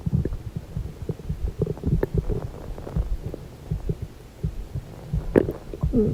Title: Stomach noises !!~ (( gurgles, churns, groans, movements, etc •